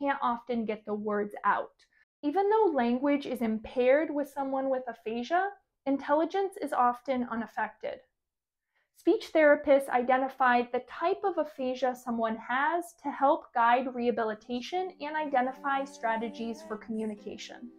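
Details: Adult woman; typical speech.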